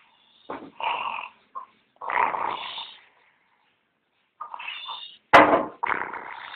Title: Kucing lagi tidur plus ngorok...